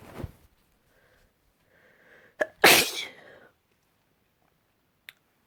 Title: Last week sneezes